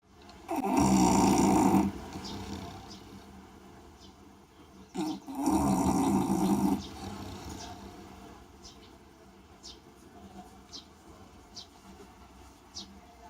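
Two long, loud, rumbling snores with quieter breathing noise between them, from a sleeping bulldog.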